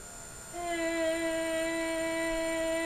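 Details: Laryngeal stroboscopy exam: vocal folds open to breathe in, then close and are driven into vibration by airflow, producing normal phonation (sustained vowel).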